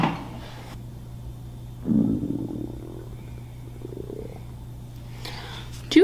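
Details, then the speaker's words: Low gurgling rumbles over a steady hum, ordinary hunger-related stomach growling (borborygmi). "hear my stomach I'm like starving oh look who woke up from their slumber my gosh my stomach is going crazy"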